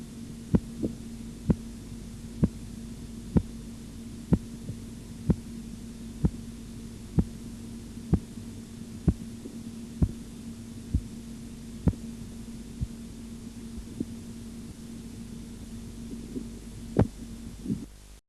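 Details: Blood pressure measurement tutorial by auscultation: regular sharp tapping beats at about 63 a minute, fading out near the end over a steady hum; Korotkoff sounds.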